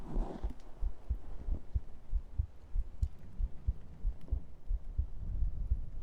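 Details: ASMR stream heartbeat segment: soft, regular low thumps of a normal heartbeat at about 90 a minute under faint room noise, picked up close to the chest.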